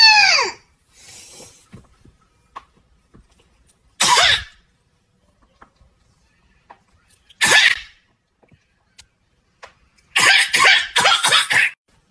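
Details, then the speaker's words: Several sharp, hissy, acted fake sneezes with quiet gaps, ending in a quick cluster, in a parenting story about a young son who has learned to fake cough. "guys that's you it's you just like that that is the safest [ __ ] sneeze if I ever heard one"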